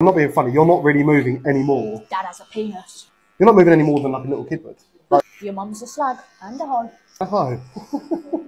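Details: Man with Tourette syndrome who reports vocal tics, speaking while cutting hair; Tourette syndrome vocal tics.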